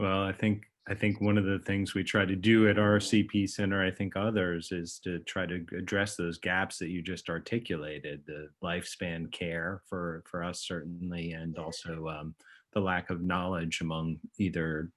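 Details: Adult male speaker; normal speech.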